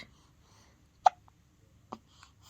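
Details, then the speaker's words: Baby with hiccups: two brief, sharp hiccup clicks about a second apart in a quiet room, while the baby is spoken to. Hiccups. "you trying to talk? You got hiccups."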